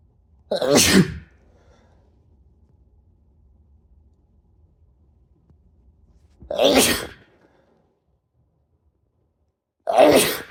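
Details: Three forceful sneezes spaced several seconds apart in a quiet room, self-induced by a man after showering; sneezing.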